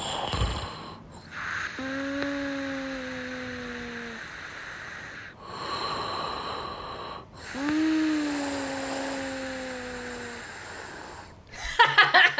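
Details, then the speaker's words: An adult recorded snoring during sleep at night: two long, tonal snores with a steady musical note, separated by quieter noisy breaths out. "it's um it's quite a musical s it's got a note to it hasn't it"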